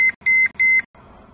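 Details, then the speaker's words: Zoll AutoPulse load-distributing band CPR device in a training demo: three high, even electronic pause alert tones in quick succession after 20 seconds of no-flow time while compressions are paused. "the autopulse has a pause alert tone as a reminder that blood flow for the patient has been stopped once the autopulse is paused for 10 seconds a single tone will sound after 20 seconds of no flow time a series of three pause alert tones will"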